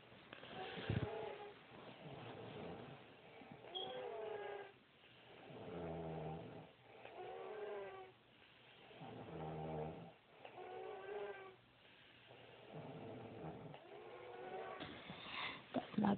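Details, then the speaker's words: Two people snoring loudly in a quiet room, a "snore battle": repeated loud, rough snores on each breath, roughly every two seconds. "if you can listen really hard you can hear dana and makai snoring really loud just"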